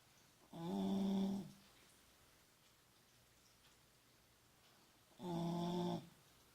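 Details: Beagle about 12½ years old (born summer 2004, recorded January 2017) snoring while asleep: two loud, low, buzzing snores about five seconds apart, roughly 13 breaths a minute, in a quiet room.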